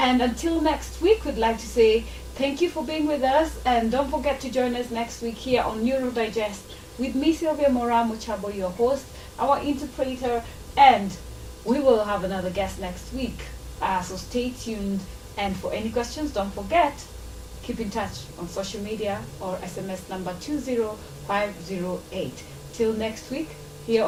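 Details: Adult woman speaking; normal speech.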